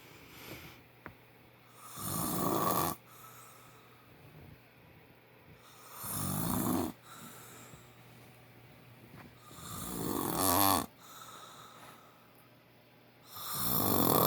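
Loud, rattling snores on each breath in, about 17 a minute, with quieter breathing out between them: heavy snoring in sleep.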